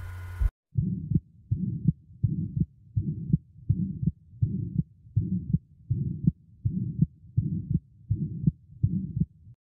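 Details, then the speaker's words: Ventricular septal defect murmur on phonocardiography: loud, harsh, holosystolic, rectangular, intense murmur with a thrill. Maximal at the left sternal border, 4th intercostal space, radiating in all directions. Heart rate about 82 beats a minute. "Il est holosystolique, rectangulaire à la phonocardiographie. Donc il est intense et frémissant."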